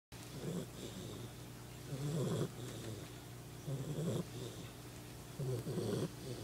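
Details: Animal lying down, snoring loudly in sleep: slow, rumbling breath noises about every two seconds, roughly 30 a minute, with a steady low hum between.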